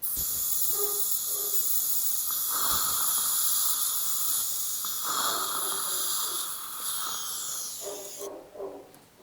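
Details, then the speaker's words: Steady high-pitched hiss and whine with slurping suction and water spray from an ultrasonic scaler with a Mirro-Vac suction mirror on the upper right molars, then the lower right; ultrasonic scaler with suction. "so just me using on the upper right molars this is the marrow vac we're going to lower lower right in the uh [Music]"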